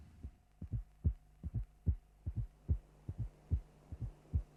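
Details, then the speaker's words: Teaching recording of cardiac auscultation: soft, low-frequency presystolic fourth heart sound (S4 gallop) just before the first sound, never loud but always significant. "Now concentrate on the first and listen to the precistolic fourth sound. It is never a loud feature and to hear it always demands concentration."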